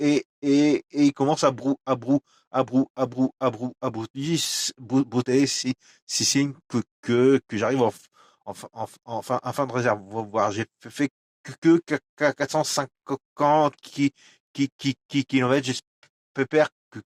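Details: Adult male with stuttering, who says it becomes even worse and words stop coming out when he recalls a stressful period of his life (a workplace incident around 2004); stuttering.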